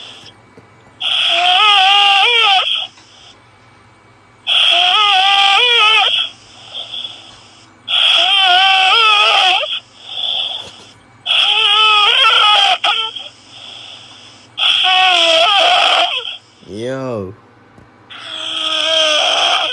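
About six loud, drawn-out, high-pitched wailing cries in regular bursts with pauses between; a sustained infant-type cry.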